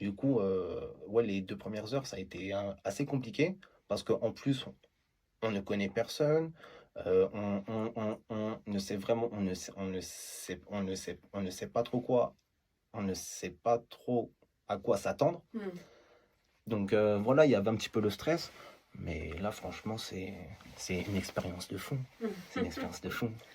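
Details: Man who stutters; stuttering.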